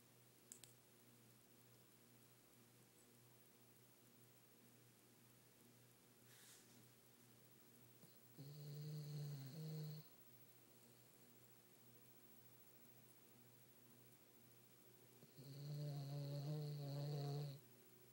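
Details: Dog snoring at night, said to snore louder than he barks: two long, loud, rumbling snoring breaths about seven seconds apart over a quiet room hum.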